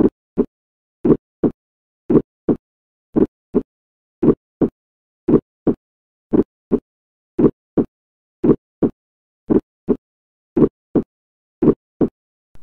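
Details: Teaching recording: slow regular heartbeat with a sharp, high-pitched early systolic click just after S1, heard in the aortic or pulmonary area: ejection systolic click.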